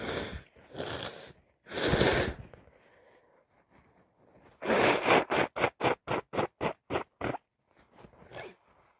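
A few loud explosive sneezes, then a rapid run of short sharp sneezes and sniffs; repeated allergic sneezing.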